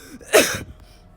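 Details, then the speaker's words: A single abrupt, forceful cough burst from an adult who says they are a little sick at the moment: cough. "I'm sorry. Yo, I'm sorry. I'm a little sick at the moment."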